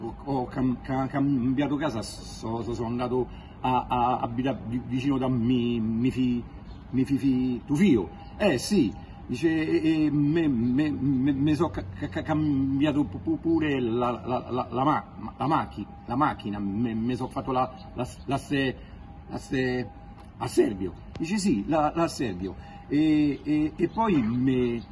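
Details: Comedian acting out a stuttering character in an Italian joke, repeating sounds and words; imitated, not real stuttering.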